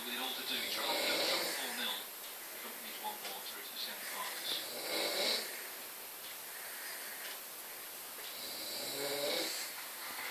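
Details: Snoring in an adult man who fell asleep watching snooker: soft, rough breathing sounds rising and falling slowly, about fifteen a minute, in a hissy recording; described as very loud.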